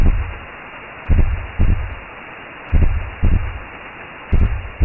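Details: Simulated womb sound made as a sleep aid for babies: deep, muffled whooshing pulses in pairs, about 37 a minute, over a steady low rumble, recreating the mother's heartbeat.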